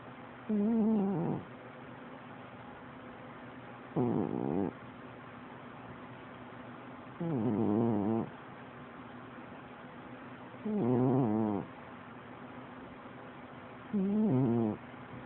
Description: My cat Tigger snores louder than my husband!